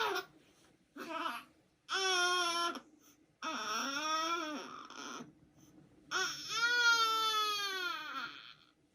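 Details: Infant aged 37 days making drawn-out whining, grunting cries and squeaks in short bursts while asleep; noisy newborn sleep sounds.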